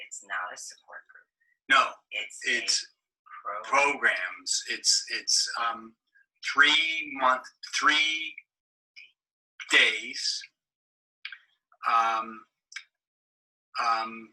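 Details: Adult man seven years after a stroke, with non-fluent Broca's aphasia and possible apraxia of speech, with relatively preserved comprehension, cued by his wife with first sounds; Broca's aphasia.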